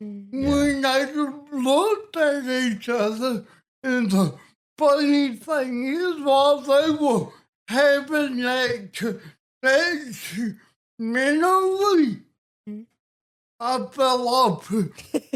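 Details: Adult man with cerebral palsy and a speech impediment since childhood, with balance problems; dysarthria (cerebral palsy).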